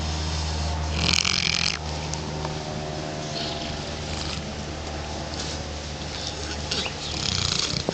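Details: Female Neapolitan Mastiff making snoring-type noisy breathing while awake: continuous rough, snorting breath noise with a few louder gusts.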